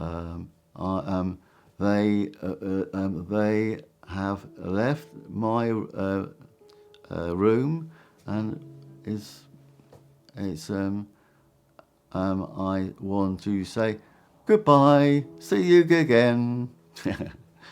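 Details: Aphasia following a stroke.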